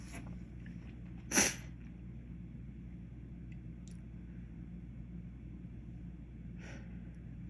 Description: I was cooking something and dropped a container of white pepper. Was able to film a bit of the aftermath.